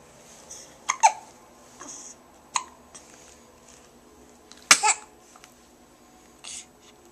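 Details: Repeated short, abrupt hiccups at irregular intervals, with faint breathing in a quiet room, from a young child on a changing table who often gets hiccups.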